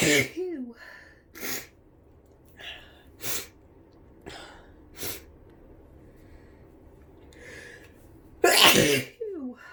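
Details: Person with flu and an itchy nose sneezing: repeated sharp, explosive bursts with brief breaths between, about five in ten seconds; a run of sneezes.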